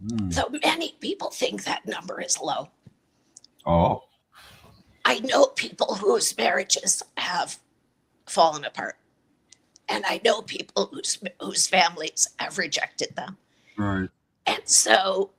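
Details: Adult woman with a chronic voice disorder treated with Botox injections to the vocal cords every three months; dysphonia.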